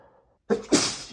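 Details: Male, one of 100+ sneezes recorded the same day: a brief intake followed by a single explosive sneeze; an ordinary sneeze.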